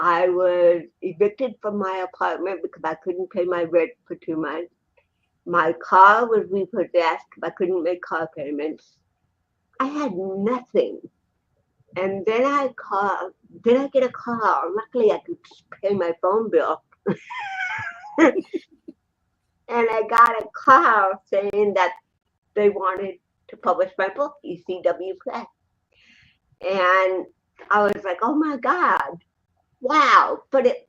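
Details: Woman born with cerebral palsy in 1956, speaking in an interview. Finding: dysarthria (cerebral palsy).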